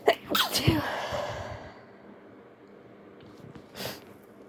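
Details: Person attempting to stifle sneezes: a quick run of muffled sneezes, then a fading exhale and one more small sneeze; sneezing.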